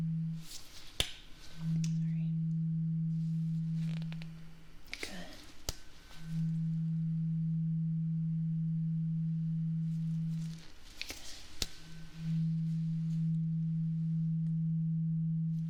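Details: Simulated ASMR roleplay ear exam: tuning fork struck several times, each giving a steady low hum that fades, while the listener reports when the sound stops; hearing check before ear cleaning.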